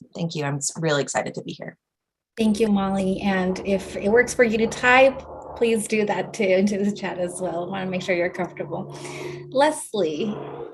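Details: Adult woman speaking; normal speech.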